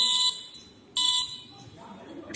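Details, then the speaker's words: Pulse beeps from a buzzer on a homemade ECG monitor with a heart sensor and OLED display, thumb on the sensor; two high electronic beeps about 0.65 s apart, one per detected heartbeat, reading about 77–81 bpm. "now you can see and you can hear the beeps of this buzzer now you need to monitor the your B and P your ECG"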